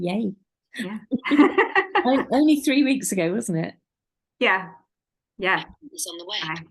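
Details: Young adult woman speaking; halting speech with aphasia.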